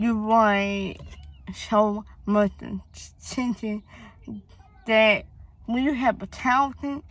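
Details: Young female with a speech impediment (articulation disorder) that began around third grade, with a hearing problem (deafness); she was born premature, had school speech therapy, and doctors found no cause.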